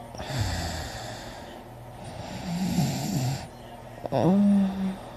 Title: me snoring loud with heavy breathing